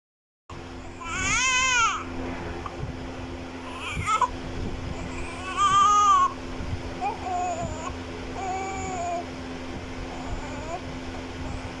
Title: Crying newborn Baby Child Sound Effect 2024